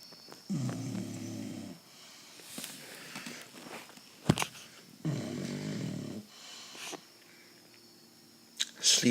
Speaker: Sleeping tongue. They can never get with it. He likes to snort.